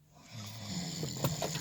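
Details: A man asleep at night gives a single low, rattling inhaled snore with a rough fluttering quality; snoring.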